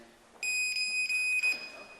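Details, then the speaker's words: High steady one-second electronic beep from a fingertip pulse oximeter, shown during a talk; its alarm sounds when a reading goes outside range, and it misreads for about the first minute. "that's the alarm that goes off if if you know you go outside of the range"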